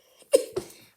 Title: Srry my cough-